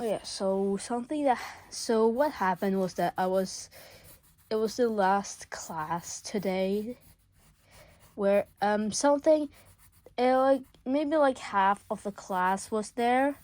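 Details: Male speaker who says he stutters a lot; stuttering.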